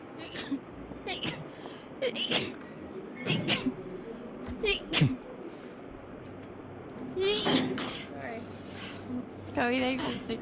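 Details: Rapid repeated sneezing in a girl: a series of quick, small sneezes mixed with brief talking and room noise.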